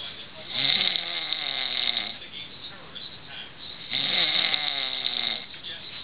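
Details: Person snoring on a couch: two long, loud, rough breaths with a fluttering rattle and a quieter stretch between them; snoring during sleep.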